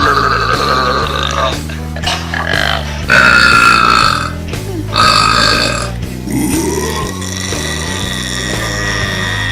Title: 45 Segundos de Eructos 2 / 45 Second of Burps 2